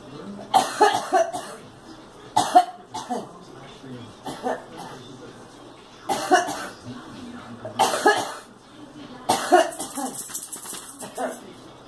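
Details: A girl coughs in six bouts of harsh, wet-sounding coughing, some in quick runs, with brief pauses between them.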